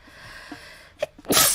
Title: just sneezing for 57 seconds (/Hololive)